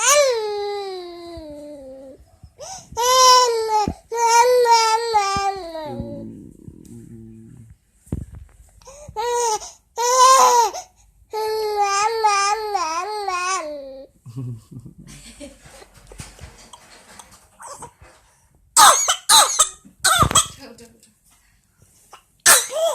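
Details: A sad, fussing infant girl calling for her mother whimpers and cries, then gives several short, harsh cough bursts near the end.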